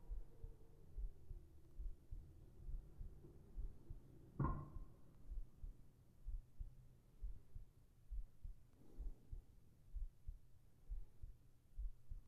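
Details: ASMR heart sounds for sleeping, recorded with a whispered voice: soft, steady low heartbeat thumps at about 68 a minute with a faint breathy sound partway through, a heartbeat.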